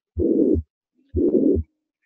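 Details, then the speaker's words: Harvey cardiology simulator: heart at about 60 beats a minute with harsh systolic murmur between S1 and S2, louder on inspiration and softer on expiration (inspiratory augmentation, right-sided origin); tricuspid regurgitation murmur. "so it's a systolic murmur and if you watch the breathing again in it gets louder out it gets softer in louder so inspiratory augmentation this is tricuspid regurgitation that inspiratory change a sign that this is right-sided in origin"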